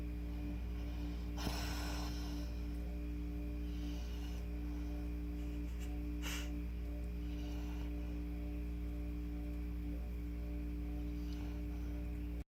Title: My snoring Saint Bernard